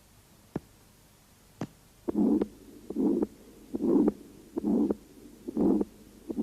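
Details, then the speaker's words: Harsh systolic murmur over the aorta conducted to the neck, with weakened first and second heart sounds, about 73 beats a minute, from narrowing of the aortic orifice obstructing left ventricular outflow: aortic stenosis. "стенозе наблюдается ослабление первого и второго тонов и грубый систолический шум на аорте проводящий насу шеи шум возникает в результате сужения устья аорты и затруднение тока крови из левого желудочка по аорту"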